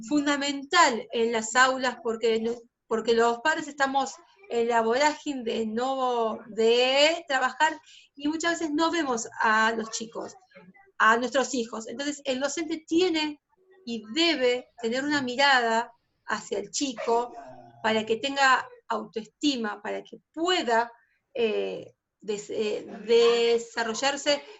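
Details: Adult female teacher who stutters, denied a teaching post when starting her career at 19, now teaching about 16 years later; stuttering.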